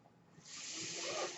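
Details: Real podcast recording in which the speaker explains that the noise heard is his own mechanical ventilator; ventilator airflow heard in the background of speech; mechanical ventilator noise.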